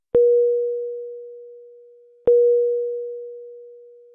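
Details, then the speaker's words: Two single mid-pitched tones, each fading slowly, about two seconds apart, from a Philips HeartStart XL+ monitor/defibrillator: medium-priority alarm for a non-life-threatening condition such as heart rate beyond high or low limits. "a medium priority indicates a non-life-threatening condition such as when the heart rate measurement violates the high or low limits the alarm message displays with a yellow background and sounds like this"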